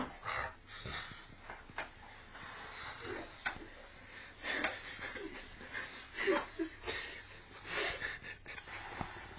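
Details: A sleeping adult in a beach cabin gives repeated noisy, wheezy snorts with each breath, with little deep rumble, in a small room: snoring.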